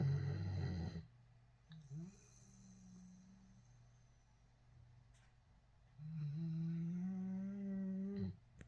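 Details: Soft, tonal, whistling-humming snores rising in pitch, separated by quiet pauses, from an animal snoring in its sleep.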